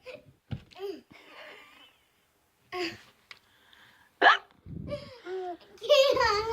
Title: Hiccups are contagious